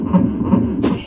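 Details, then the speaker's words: Two quick whooshing thumps of a fetal heartbeat, a fast rate near 150 a minute, recorded on ultrasound. "You can hear the little baby's heartbeat. It's so precious."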